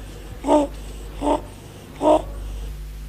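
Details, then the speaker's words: Inspiratory stridor in a sick child with acute respiratory infection: three rapid, harsh, high-pitched noisy breaths as the child breathes in, a sign of upper airway narrowing as seen in croup syndromes. "Stridor is a harsh noise produced when the sick child breathes in."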